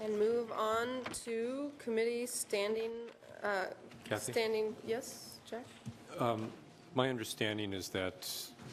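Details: Adult speaker in a meeting room; normal speech.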